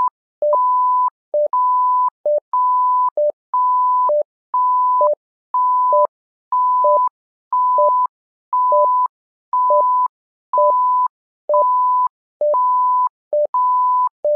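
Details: SimMon simulated patient monitor app: clean electronic two-tone beeps, a short low note then a longer high note, repeating steadily about once a second; simulated patient monitor alarm tones.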